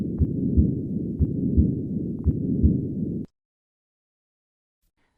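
Heart sounds buried in a continuous low rumbling murmur that runs through both phases of each beat, then silence and a brief voice: patent ductus arteriosus.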